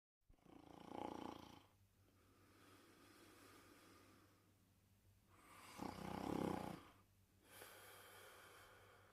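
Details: Porkchop snoring while asleep: two deep, rumbling snores with quieter breathing between them. Ordinary snoring during sleep.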